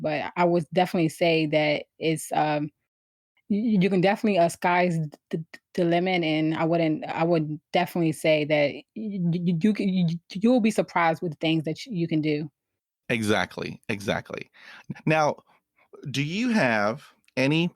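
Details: Adult woman who has stuttered since she began to speak, around age four or five: stuttering.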